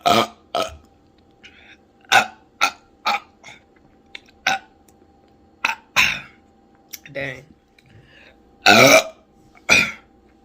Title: Drinking Bud Light Platinum+ Loud Burps #SHORTS